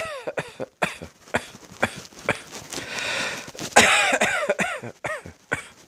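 Repeated harsh coughs in quick irregular bursts, some with a wheezy, high-pitched edge on the intake; a bout of coughing.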